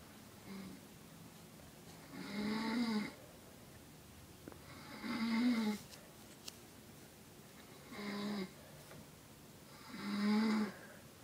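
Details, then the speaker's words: Mother snoring: rhythmic buzzing snores on each breath, about 12 per minute, with quiet pauses between. "She's snoring."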